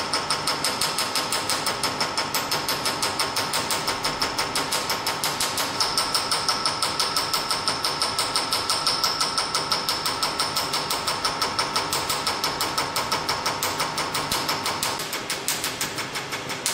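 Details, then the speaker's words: Q-switched Nd:YAG laser firing during a whole-face carbon peel, set to 800 mJ energy and frequency 6, triggered by foot pedal: rapid, steady snapping clicks about three a second with high ringing tone. "after we set the energies 800 milli drop at frequency i use 6 frequency then you see we have the red line 2.0 where the layer is and then i press the foot pedal"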